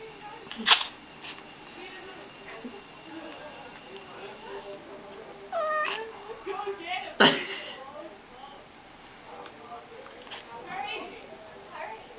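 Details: A cat sneezing: two short, sharp bursts of sneezing with soft meows between, in a quiet room.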